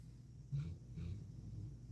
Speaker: this dog is snoring. Do y'all hear that?